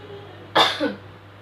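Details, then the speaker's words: Effective cough technique demonstrated by a nursing student seated leaning back with neck slightly bowed: on the fifth deep breath, one strong, deliberate cough with exhalation, abdominal muscles tightened, with a short voiced tail. "pada tarikan nafas kelima lakukan batuk bersamaan dengan mengeluarkan nafas"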